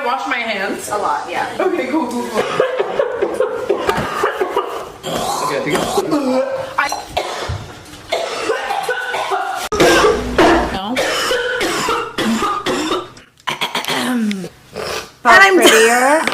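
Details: Adult woman's coughing fit: bursts of harsh coughing mixed with laughter and talking; bronchitis reportedly passed to her by a friend, with an inhaler mentioned.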